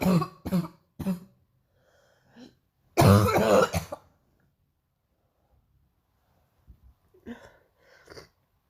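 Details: Painful morning coughing: three harsh coughs, then a longer rough coughing burst, then quieter throat-clearing sounds.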